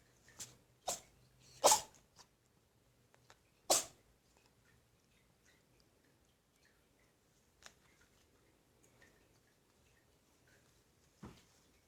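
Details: A cat starts sneezing while being recorded with a cigar toy: several short, sharp sneezes in a quiet room, a few close together at first, then scattered single ones; sneezing.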